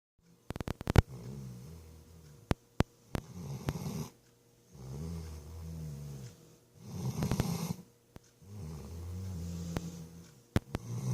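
Regular low buzzing snores, about four breaths over eleven seconds, with sharp clicks between; snoring.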